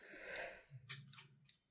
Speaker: That's my tummy. Can you hear that? That's crazy.